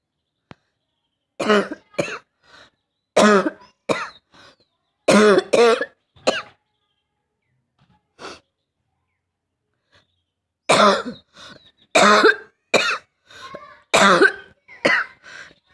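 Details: Real cough from a cold, recorded on a rooftop for a coughing challenge, with throat burning and breathlessness described: groups of harsh, forceful coughs in short runs with pauses, about eight bouts over fifteen seconds; dry-sounding adult cough.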